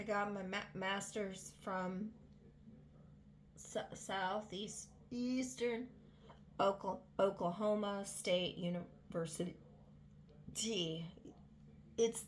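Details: Adult woman with vocal tics, sporadic symptoms for 7 years and non-epileptic seizures, several working diagnoses and no neurology follow-up for about 3.5–4 years; speech with repetitions and interruptions; vocal tics.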